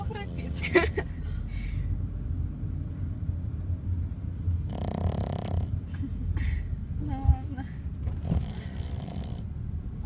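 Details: Low rumbling snoring from a sleeping dog over steady low background hum, with a few faint higher noises; snoring.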